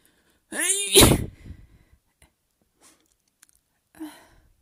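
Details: Induced sneezing from nasal tickling, nose flaring: a rising voiced wind-up, one sharp explosive sneeze, then a softer second sneeze, quiet room.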